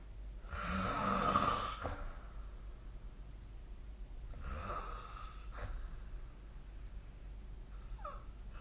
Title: 🐽 本日のイビキ / Snoring Sleep Sound